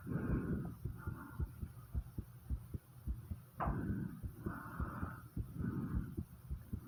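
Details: Heartbeat recorded right after 50 squats with heavy breathing: quick, strong thumping beats at about 105 a minute with breathing noise over them; a normal raised heart rate after exercise.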